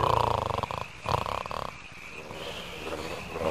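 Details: Animated (3D animation) snoring: rough, fluttering, vibrating breaths repeated in bursts. Snoring.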